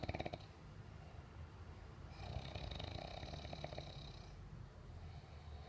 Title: How to stop snoring ????????